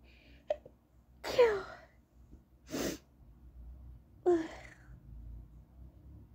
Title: High pitched stifled sneezing (F)